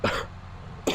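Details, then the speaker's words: Two abrupt coughs less than a second apart, with faint room noise between them; cough. "Sean, sorry about the coughing. Sorry to you then, because you need to hear that."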